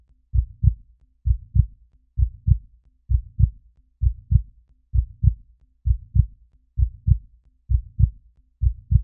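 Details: Sound-effect recording of steady paired heartbeat thumps at about 65 beats a minute, regular rhythm; heartbeat.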